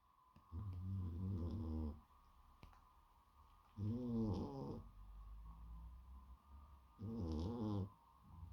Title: One snoring lazy exotic cat back to his old tricks - snoring louder then ever :D #cat #shorts